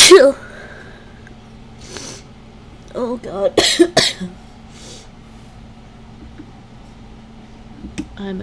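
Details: Allergic sneezing after bringing a ragweed stalk indoors plus sneezing powder, suspected ragweed allergy: one sharp sneeze, then gasping build-ups and two more explosive sneezes; itchy, runny nose, later dizzy.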